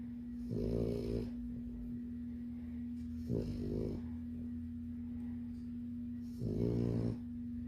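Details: Labrador puppy snoring in her sleep: soft, rattling snores over a steady background hum, three short snores in about eight seconds.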